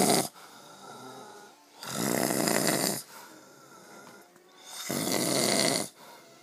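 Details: Man, a brother who denies snoring, recorded asleep: loud, rough snoring in slow cycles of about 20 a minute, with quieter gaps between.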